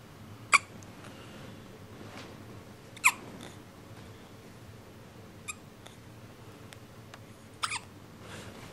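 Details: Pet with hiccups, jokingly said to be practicing squirrel barking: four sharp, squeaky, isolated bursts at irregular intervals in a quiet room; hiccups.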